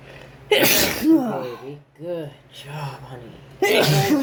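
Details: Induced sneezes during a cold: two forceful sneezes with gasping lead-ins, and a partner murmuring blessings in between; the sneezer reports an itchy, snotty nose.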